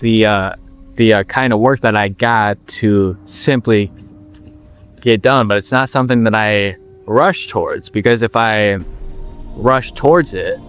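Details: 21-year-old man with stuttering since he began talking, long working to overcome it and reporting that slowing down improved his speech; word repetitions audible; stuttering.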